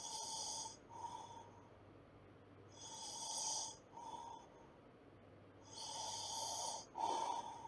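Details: Slow, regular snores with a whistling, snorting edge, about 20 breaths a minute, over a steady background hum.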